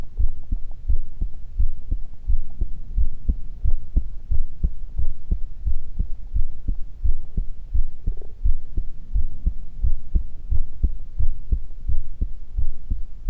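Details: Ordinary normal heartbeat: regular low thumping at about 85 beats per minute with a steady rhythm.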